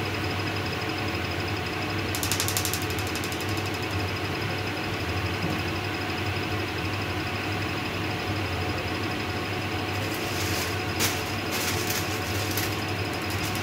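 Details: Holmium laser lithotripsy on a hard dummy stone, with settings started at 0.5 J and 3 Hz and then increased: bursts of rapid crackling pulses over a steady room hum as the laser fires and breaks up the stone.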